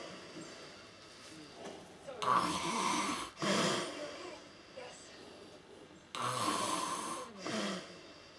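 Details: A man who has fallen asleep on the sofa late at night gives loud, rasping snores on the in-breath, with quiet gaps between, about 15 breaths a minute; heavy snoring.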